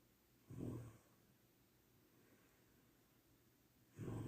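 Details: Loud snoring from a sleeping little sister: two loud, low, rattling breaths about three and a half seconds apart, with quiet between.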